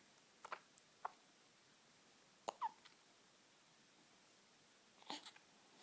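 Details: An infant's short, sharp hiccups repeat several times in a quiet room, starting after laughing; hiccups not stopping: ordinary harmless bout of hiccups.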